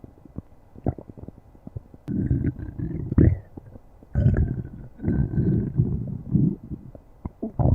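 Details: Ukulele's stomach growling: borborygmi.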